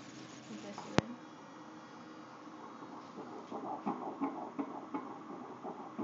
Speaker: how cool is that so cool that's a fast little heartbeat